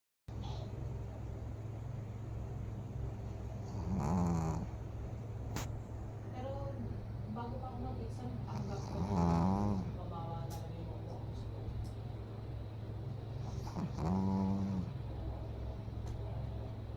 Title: Snoring Pug #foryou #fy #fypシ #doglover #dog #dogs